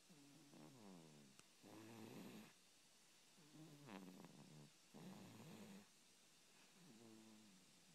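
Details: A sleeping cat snoring: soft, regular rattling snores at about 18 breaths a minute over a steady background hiss.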